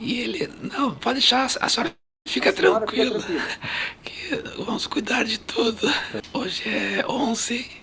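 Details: Adult man with puberphonia (mutational falsetto), mistaken for a woman on the telephone; case shown in a phonosurgery lecture.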